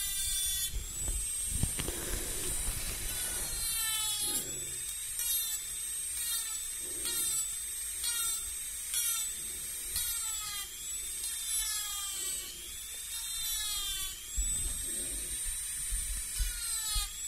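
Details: Simulated binaural dentist roleplay cleaning between the front teeth: rising and falling high-pitched whirring in repeated sweeps with scraping; imitated dental cleaning instrument sound.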